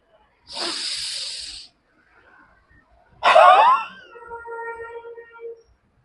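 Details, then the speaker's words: Two forceful open-mouth huffs, the second ending in a brief voiced tail, demonstrated by a pulmonologist: huff coughing (forced expiration technique) for clearing phlegm in COPD, asthma, bronchitis or bronchiectasis. "మరియు మీకు half coughing చూపిస్తాను దీన్ని మీరు normal గా తీసుకొని breath"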